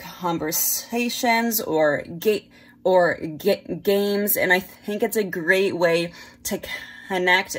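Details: Adult woman who stutters; stuttering.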